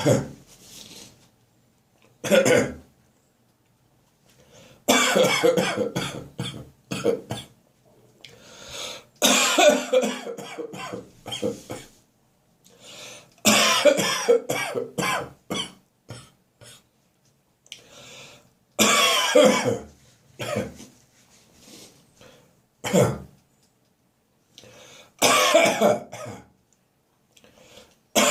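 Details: Morning coughing bouts in an adult whose chest reacts to cold, damp early-winter weather: repeated harsh coughing fits in clusters, with strained retching-like sounds between bursts.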